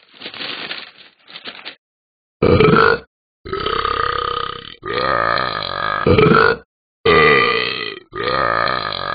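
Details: Several loud, drawn-out voiced belches in a row separated by short pauses; burping.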